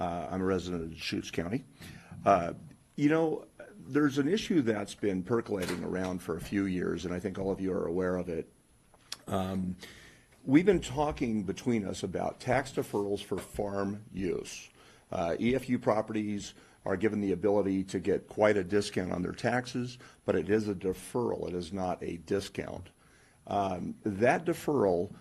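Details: Adult man speaking; normal voice.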